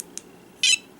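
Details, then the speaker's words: Snuza Hero baby movement monitor, sitting unattached with no baby, switched on: a faint click then one short, high-pitched electronic power-on beep as it lights up. "I'm gonna go ahead and turn it on and so you see that it's on and lighting up"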